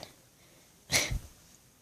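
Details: Siamese-Himalayan mix cat with vet-diagnosed enlarged heart (cardiomegaly) lying against the sternum, coughing wet, phlegmy coughs; cough due to cardiomegaly.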